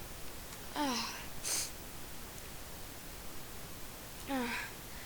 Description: I sneezed thrity times in a row.